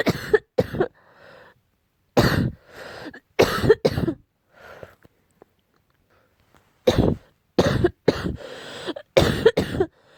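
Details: Repeated harsh coughs in short clusters with brief breaths between and some rough throat clearing; barking cough attributed to cat allergy.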